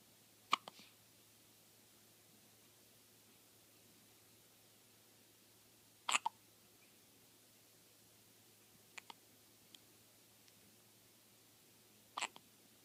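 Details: Baby before sleep with brief, sharp hiccup sounds every few seconds, about four in 13 seconds, in a quiet room: hiccups.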